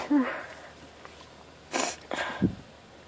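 A voiced intake followed by quick sneeze bursts and a sniff; sneezing from nasal irritation.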